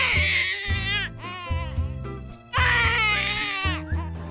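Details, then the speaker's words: Infant crying in strained, rising bursts, a cry attributed to too much gas in the stomach or to pooping. Infant gas cry. "can already know that's pooping. That's too much gas. Or gas in the stomach."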